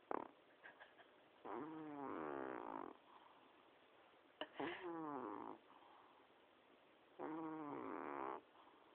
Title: Miash the snoring cat